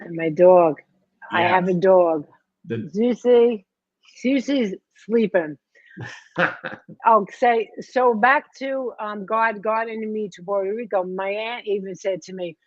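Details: Aphasia after stroke in a survivor of a major stroke about 12 years earlier (2011); a speaker in the conversation says both still have a bit of aphasia, unclear which speaker.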